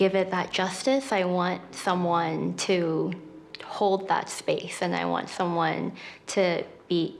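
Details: Stuttering, described as a neurological disability causing prolongations, repetitions and blocks, in a person who stutters speaking as a co-host at a live Disability Pride event.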